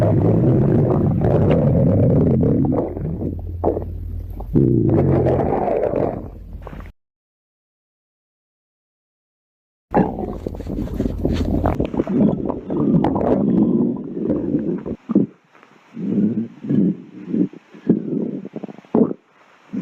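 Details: Loud, drawn-out gurgling and rumbling growls from the belly in several bursts with a pause; stomach growling, ordinary bowel sounds.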